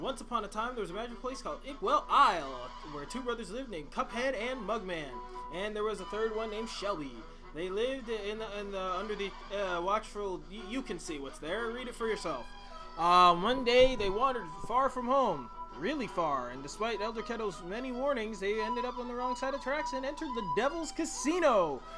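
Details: Stuttering in a man reading a game's intro story aloud, who says his stutter won't let him read part of the text at that moment.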